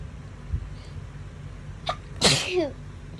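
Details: A short in-breath followed by one sharp, forceful hay fever sneeze, from a compilation filmed over 3–4 days.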